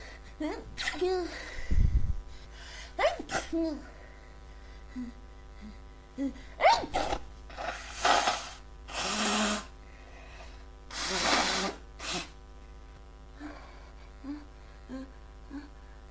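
Several sharp sneezes with breathy lead-in gasps and sniffles, from an adult congested with a head cold.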